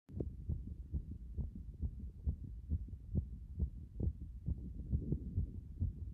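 Strong, pounding low thumps at roughly 130 a minute, a fast forceful heartbeat after a hot bath.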